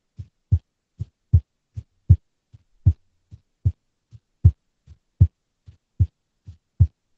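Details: Female's unstable resting heartbeat, recorded with simple equipment: dull thumps with uneven spacing and varying strength, some beats early, so the rhythm is hard to predict; irregular heartbeat with abnormal beats.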